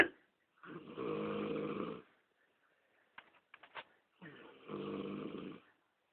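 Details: Snoring during sleep: two loud, rattling snores about four seconds apart, with a few soft clicks and smacks between them; ordinary snoring.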